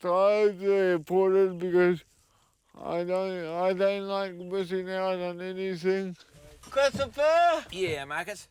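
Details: Dysarthria in a 32-year-old man with cerebral palsy since birth, high-needs and dependent on 24-hour care; speech is slurred, and a caregiver says it slurs more when he is tired.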